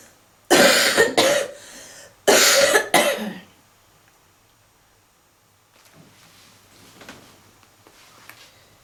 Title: Lying Down Smoking with Heavy Coughing and Wheezing